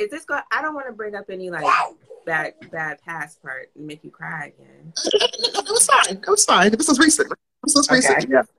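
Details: Adult speakers in conversation; typical speech.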